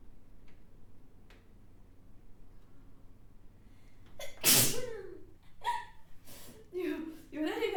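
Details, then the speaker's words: Recorded wet sneeze: after several quiet seconds, a single loud, explosive, spraying sneeze, which she says comes out as a full "hakushon" rather than a cute one, followed by brief voiced sounds and breaths. "その可愛くくしゃみできる人っているじゃない。くしゃんって感じではない。はくしゃんってなっちゃう。"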